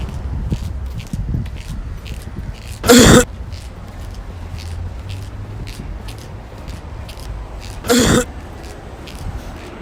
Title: Cough experiment